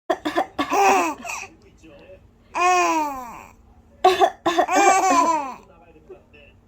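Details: Infant coughing: several short, playful, unforced coughs mixed with bursts of voiced, giggly laughter, no distress.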